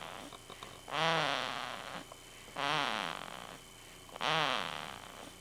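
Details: Three rising-and-falling nasal, whistling snores about 1.5 seconds apart; snoring.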